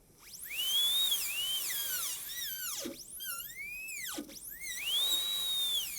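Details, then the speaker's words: High-speed dental handpiece refining occlusal clearance along the functional cusp bevel for a gold onlay on practice tooth #18. Repeated checking and adjusting. High-pitched whine rises and falls as the bur cuts dry. "so i'm just doing a lot of checking and then adjusting and checking and adjusting"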